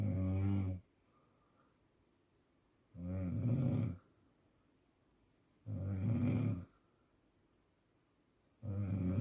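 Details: Heavy snoring, presented in the context of sleep apnea: loud, low, rattling snores about every three seconds, roughly 20 a minute, with quiet gaps between.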